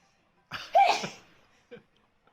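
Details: Sneeze set off by a self-administered COVID-19 nasal swab test: one sudden, explosive sneeze followed by a small trailing sound.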